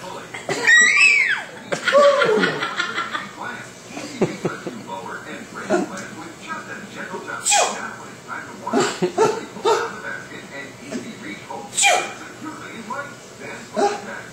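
An adult makes sharp, deliberate sneezes while a baby squeals and giggles between them.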